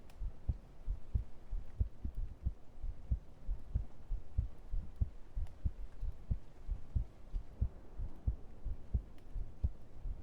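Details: Heartbeat played during an ASMR stream: steady dull low thumps at roughly 90 a minute under a constant hum; an ordinary heartbeat picked up by a microphone.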